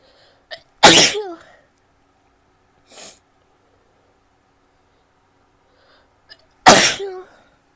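Two sharp, explosive sneezes a few seconds apart, each preceded by a quick inward breath, with a soft sniff between.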